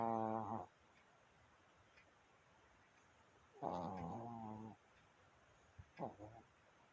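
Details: 11-year-old Maltese dog snoring while asleep: three brief, buzzing, slightly tonal snores separated by quiet pauses.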